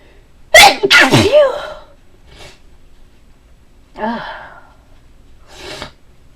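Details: A deliberately performed variety of sneezes: loud voiced sneezes with sharp bursts and trailing breath, then a softer sneeze and a final breathy one, in a quiet room.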